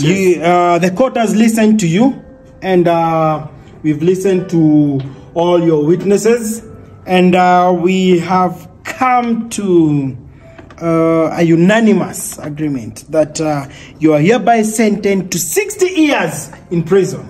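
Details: Adult male speaker, acted role; typical speech.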